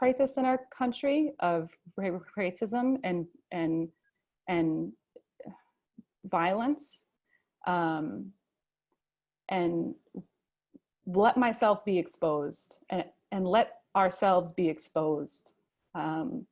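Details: Adult male who stutters and chooses to stutter openly; real stuttering.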